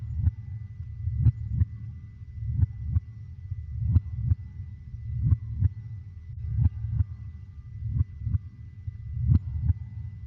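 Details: Steady low paired lub-dub thumps, about 44 per minute, with faint steady hum; ordinary heartbeat sounds played to help a baby sleep.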